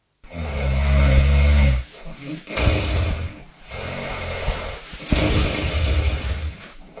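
Loud, deep, rattling snores, several in a row with brief pauses between breaths; heavy snoring.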